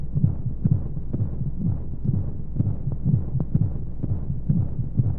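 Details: Womb sound played as a baby sleep aid: muffled low rhythmic thumping, about 125 beats a minute with regular rhythm, with steady whooshing white noise and flowing sounds; heartbeat.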